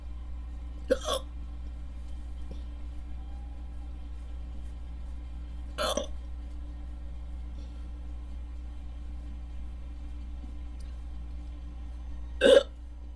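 Three sharp, brief hiccups spaced several seconds apart over a steady background hum; typical hiccups.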